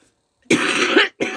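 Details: Adult coughing while talking: a single rough cough burst with a throat-clearing quality, followed by a shorter second burst.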